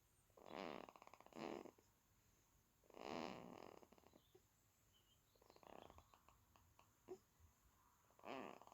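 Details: 16-day-old baby girl snoring in sleep: soft, irregular snuffly breaths, a few per minute, with quiet pauses between; infant snoring.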